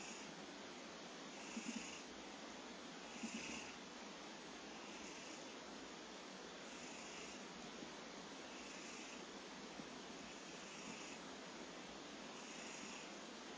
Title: コジロー いびき snore cat